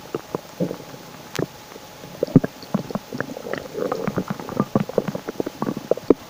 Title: my stomach makes loud noises again 😳😳😁💓